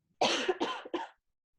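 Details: Simulated nursing role-play: child recently diagnosed with pneumonia, with nasal oxygen tubes, loud breathing and incomplete chest expansion, gives three quick coughs in a run.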